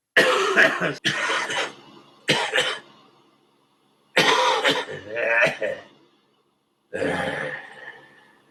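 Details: Coughing compilation: several bursts of harsh coughing in clusters with throat clearing, separated by pauses; repeated coughing fits.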